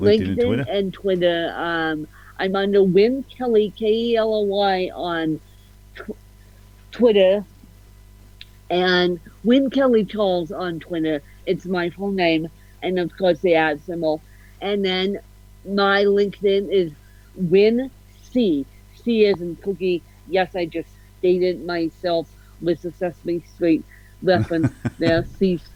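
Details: Adult woman with ataxic-spastic cerebral palsy, officially diagnosed at 31, with a slight speech impediment; ataxic dysarthria.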